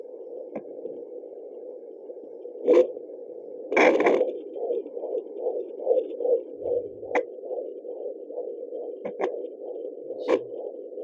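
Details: Fetal heartbeat heard on a home Yunos fetal Doppler during pregnancy, rapid regular whooshing at about 140 beats per minute with probe scrapes.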